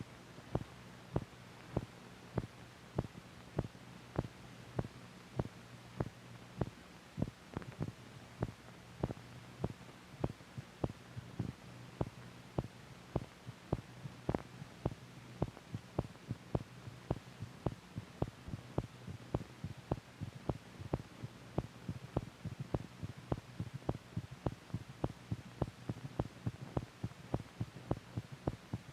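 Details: Normal heart sounds from a 1950s(?) teaching film for doctors: regular heartbeat at about 105 beats a minute, with a steady low hum in the background.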